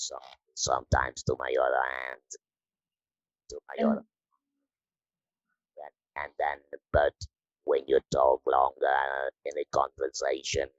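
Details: Electrolarynx speech in a woman after laryngectomy surgery, using the Inspiration electrolarynx device.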